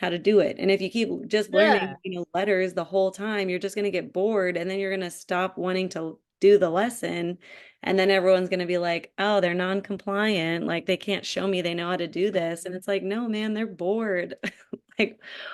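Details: Adult woman speaking; typical speech.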